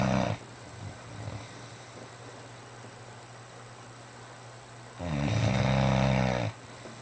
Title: Mastiff Snoring in bed ( Fila Brasileiro)